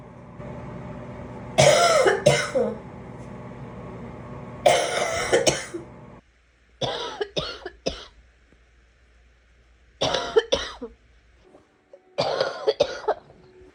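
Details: Five bouts of harsh coughing, each two or three coughs close together, separated by short pauses, with faint vehicle noise in the background.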